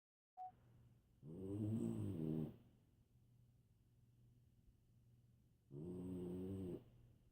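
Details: Snoring loudly, likened to a freight train.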